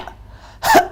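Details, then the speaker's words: Early-stage dry, hacking cough in a child with a childhood respiratory illness: one short, sharp, harsh burst with no wet rattle. "So the clinical manifestations, in earlier stage, the child may experience dry, hacking cough. It's very dry and it's hacking."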